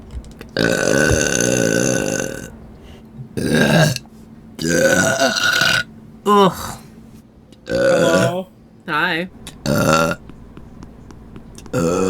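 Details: A series of loud, long, voiced burps, some drawn out and wavering, separated by short pauses, with groaning and apologies around them; repeated belching.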